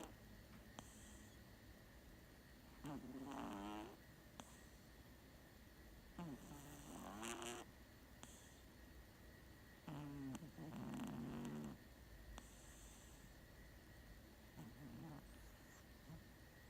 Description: Snorting kittens are the best. This kitten snores like a champ.